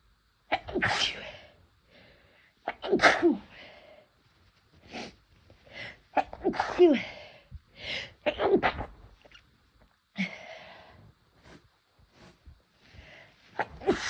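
A run of loud, forceful sneezes with sharp intakes between them, brought on by a sneeze-inducing herbal snuff; a normal sneeze reflex.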